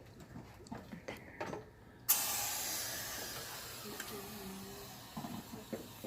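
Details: Soft instrument clicks, then a sudden steady hissing spray: dental water spray rinsing a tooth preparation after margin refining with a GMT, during a composite restoration.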